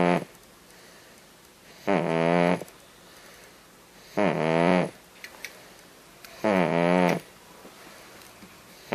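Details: Five-month-old infant snoring: regular short, buzzing, slightly tonal snores, about 26 a minute, separated by quiet pauses.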